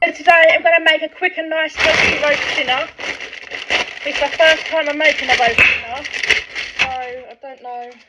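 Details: Adult speaker; normal speech.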